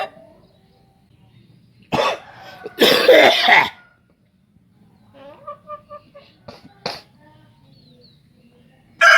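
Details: Harsh, rasping cough-like bursts mixed with soft clucks from a pet chicken; chicken cough, consistent with respiratory illness in poultry.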